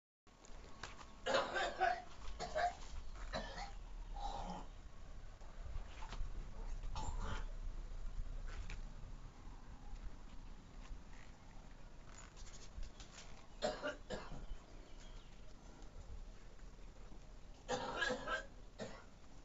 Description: Man with a morning smokers cough gagging and hocking loogies